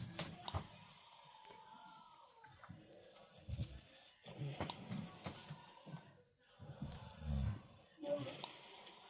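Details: Snoring in an adult man during sleep: low, rough, rattling breath sounds repeating, with quiet room noise.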